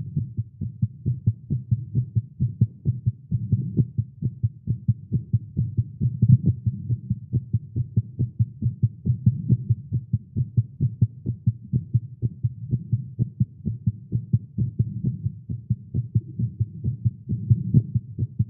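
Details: Male heartbeat recorded live after exercise and caffeine: rapid, strong beat at about 130 beats a minute with some unevenness in spacing, tachycardia (tagged irregular heartbeat).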